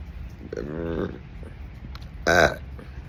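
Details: Burping after eating grapes: two voiced, gurgling belches, the second shorter and louder, over faint room noise.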